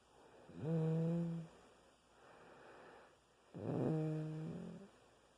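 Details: Sleeping pet described as a little mouse: two loud, buzzing, tonal snores on breathing in, with a soft breath out between them, about 3 seconds apart.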